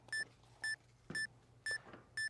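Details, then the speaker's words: Short evenly spaced electronic beeps, about two a second, from a Polar heart rate monitor chest strap and watch worn by a woman climbing stairs in a demonstration; alarm signals heart rate below her target exercise zone. "can hear that the alarm is ringing that means that she is not doing her exercise in the zone that she is supposed to"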